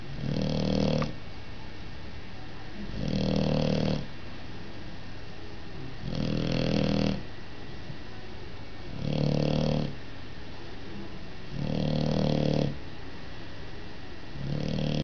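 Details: Male lilac dilute dog sleeping soundly, snoring steadily at about 20 breaths a minute, each breath a loud nasal rumble over a constant background hum; snoring.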